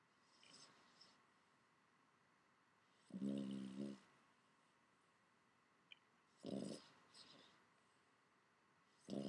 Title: My Snoring Boston Terrier